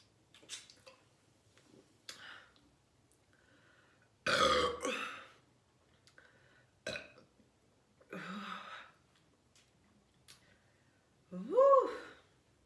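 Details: Girl burping after drinking two 12oz cans of soda: a run of loud, low, rumbling burps of varying length with quieter ones between, in a small room.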